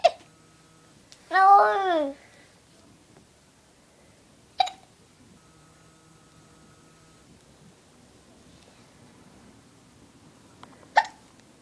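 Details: Young boy, an infant, with hiccups: three short, sharp hiccup sounds several seconds apart, with a brief babble in between.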